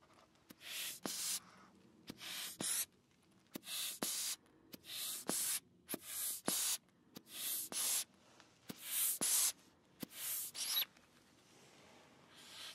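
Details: ASMR blood pressure cuff handling: repeated hissy bursts of air squeezing and puffing and crunchy crinkling fabric as the cuff is squeezed and released.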